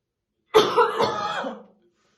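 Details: Adult woman, a smoker, real unacted morning coughing fit while slowly brushing her hair: single deep, harsh cough burst with rough, rattly tail; smoker's cough.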